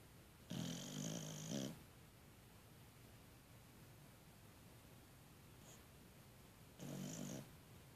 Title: Snoring